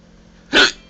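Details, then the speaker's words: Single short, sharp breathy hiccup under a quarter second in an adult man, triggered by poking or rubbing a specific spot on his chin; quiet room; hiccup. "there's a certain spot on my chin it's right about here that if it's poked or rubbed makes shaving painful annoying makes my wife laugh hysterically but it makes me hiccup"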